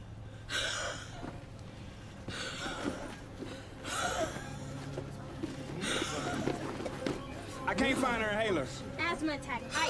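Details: Acted asthma attack in a drama: loud, effortful gasping breaths in bursts, with vocal sounds and background noise; simulated breathing distress.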